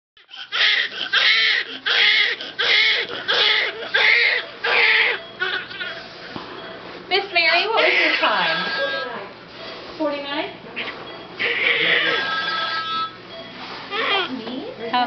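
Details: Newborn girl's first cry just after birth, first day of life: loud, rhythmic crying in repeated bursts with breaths between, then softer whimpering cries.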